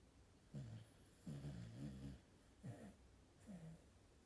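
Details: Four low, rough, rumbling snoring breaths in about four seconds, repeating steadily; labelled sheep snoring.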